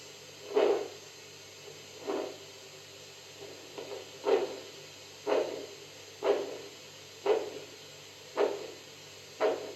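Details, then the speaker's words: Doppler blood pressure monitor in a dog or cat: rhythmic whooshing arterial flow pulses, about 60 a minute over steady hiss, during cuff release; flow heard at 140 and down to zero, absent at 220; Doppler arterial blood flow sound. "again I'll repeat at 140 there are sounds I'm going lower than this blood flow sounds are there even at zero now"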